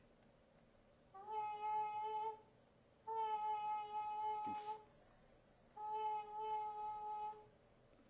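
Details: Adult voice during laryngoscopy; Normal vocal cord phonation.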